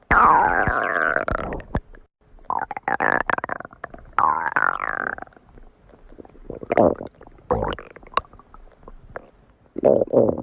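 Loud, sliding gurgles and creaky rumbles from the belly in several bursts with short pauses; ordinary stomach growling.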